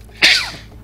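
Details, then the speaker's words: Person sneezing while playing a video game, after saying their nose was about to sneeze. "oh my nose are just about to sneeze come on upstairs"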